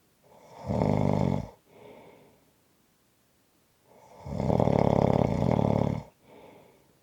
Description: This is a 5-minute clip of snoring.